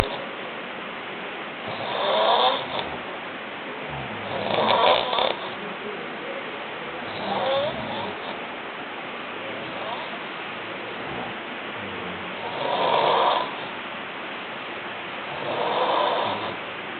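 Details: Rhythmic rough snoring on the in-breaths about every three seconds, with some pauses, over steady room hiss; ordinary snoring.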